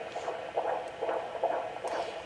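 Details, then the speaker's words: Normal fetal heart rate on Doppler at term: rapid, regular whooshing beats running in the 140s (about 140–146 per minute), baby moving and needing repositioning; later accelerates to 162 with movement. "this baby's heart rate is running in the 140s it's been between 140 and"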